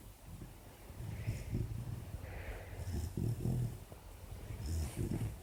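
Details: 4-month-old female Labrador puppy asleep with an ear bud in her mouth: low rumbling snorts and soft breathy snores, irregular, with small snuffles; sleep snoring.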